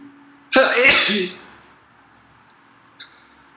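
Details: A single loud, explosive sneeze followed by quiet and a faint sniff, from a person with heavy nasal mucus.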